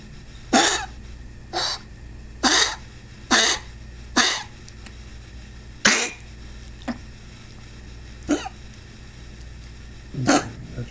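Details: A dog coughs repeatedly: about nine short, harsh, hacking bursts at irregular intervals over ten seconds, some louder than others, with quiet room noise between them.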